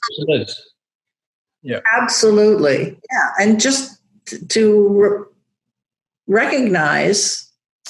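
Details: Adult woman with aphasia after a stroke, still losing words she knows but cannot connect to, recovering while rehabilitating; aphasia.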